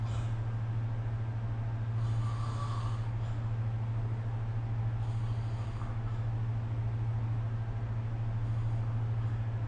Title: 🐽 Snoring Sleep Sound / いびきの音